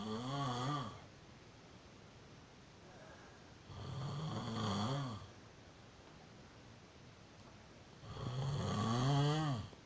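Three loud, rattling snores with low fluttering tones, separated by quiet pauses, about 14 a minute; ordinary snoring.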